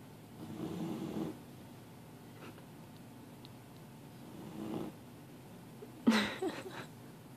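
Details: A sleeping puppy snoring loudly: low, rumbling inhaled snores in slow cycles, followed by a sharper snort; snoring.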